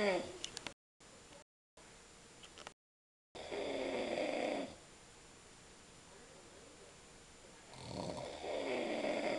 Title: dad snoring like a mad rhino